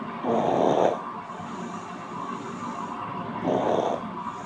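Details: Audio only: two loud, rough, rattling snores about three seconds apart, with quieter breathing in between; snoring.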